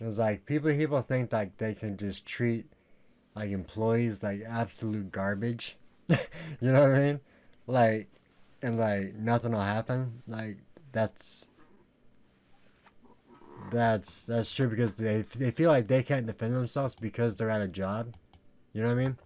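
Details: Male with lifelong stutter, worse in middle school, treated by a speech therapist in elementary school, severity varying day to day; stuttering.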